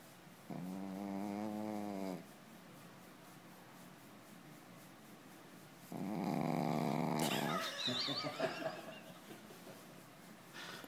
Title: Snore Star!